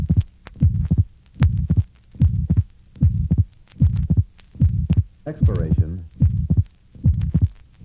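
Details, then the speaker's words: Patient with atrial septal defect. Regular heartbeat about 75/min with a soft grade 2 ejection systolic murmur and an abnormally wide, relatively fixed split second sound through inspiration and expiration. "this recording is from a patient with an atrial septal defect note the grade 2 ejection systolic murmur and abnormally wide and relatively fixed split second heart sound refer to figure 70."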